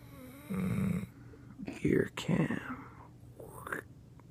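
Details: Pit bull napping with his head on a pillow after a long play date: loud, low rattling snorts with breathing and brief snuffling; loud dog snoring.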